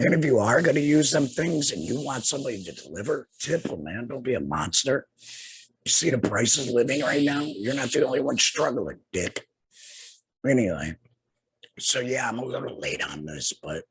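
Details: Adult man two years after laryngectomy for laryngeal cancer; speaks through a tracheoesophageal puncture (TEP) voice prosthesis, finger-occluding his HME stoma cover; tracheoesophageal (alaryngeal) speech.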